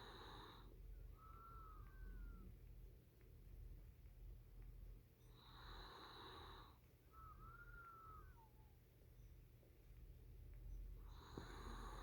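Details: Soft snoring breaths from a sleeping puppy, each with a thin high whistle, about 5 breaths a minute, over steady low room hum: snoring with nasal whistle.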